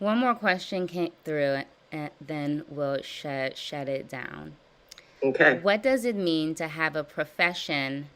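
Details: Person who stutters, hosting a live stuttering therapy session, practicing voluntary stutters and prolongations while reading viewer questions and planning to add more voluntary stutters; stuttering (voluntary stuttering practice).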